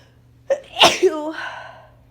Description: Day 3 of my cold induced these out felt good but tore my poor throat apart.